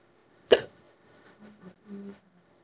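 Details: AI-generated imitation of a female cartoon character's hiccups, made from an old hiccup audio file: one sharp hiccup followed by soft voiced sounds.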